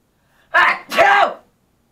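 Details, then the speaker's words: Deliberate, exaggerated sneeze performed for a sneezing challenge (classic, high-pitched and loud obnoxious styles): a single loud two-part sneeze with a sharp intake, then a forceful voiced burst. "so this is called this the crazy sneezing challenge so technically what you do is you um sneeze three different ways first one you sneeze the classical acts you sound and the second one you do a really high-pitc"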